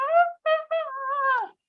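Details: Stridor (imitated).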